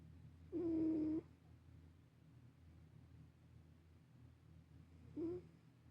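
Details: Sleeping black cat: two buzzing, slightly musical loud snores about four seconds apart with quiet breathing between; snoring.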